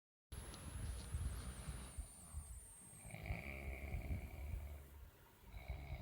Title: vietnamese snoring loudly 20yo p2